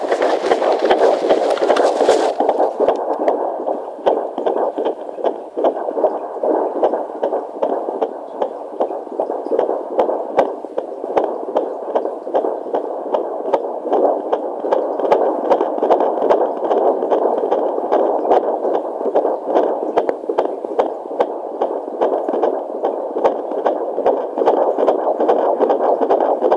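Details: Fetal heartbeat at 17 weeks 2 days of pregnancy on a handheld Jumper JPD-100B fetal Doppler, found on the first attempt: rapid, galloping whooshing beats at about 150 a minute.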